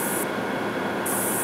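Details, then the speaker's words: Steady loud whooshing hiss with vibration from the suction ring and flap device during the flap step of real LASIK surgery, vibration lasting about six to seven seconds; moderate prescription; normal part of the procedure. "perfect and there's a little vibration now bear with me for it that lasts for about let's say"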